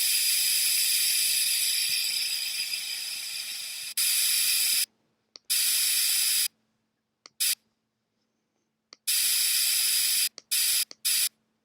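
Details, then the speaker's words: Virtual game, child's braces procedure with a lip guard in place: dental water spray rinsing the teeth and suction removing the water before bracket bonding, heard as loud hissing bursts that start and stop abruptly. "let's rinse off the teeth can you spray them with water I run the suction to remove the water but I want to"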